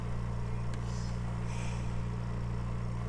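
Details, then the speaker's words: Oxygen concentrator (flow set at 3 litres, with timer up to eight hours) supplying an incubator via hose: steady low hum with faint rhythmic pulsing, normal operating sound. "you leave it set for eight hours you just turn it on and it runs for the eight hours it turns off"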